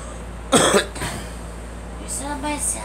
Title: Girl coughing